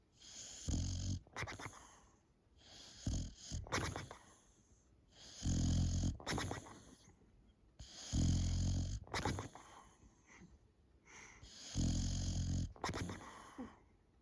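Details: Sleeping female Boxer dog snoring: loud, rough, low snores with snorting bursts, about five breaths in fourteen seconds.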